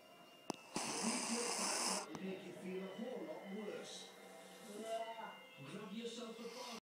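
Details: A 4-year-old female dog, mother of six puppies, snores with fluttery, rattling breaths and soft whimpery tones while twitching in deep sleep.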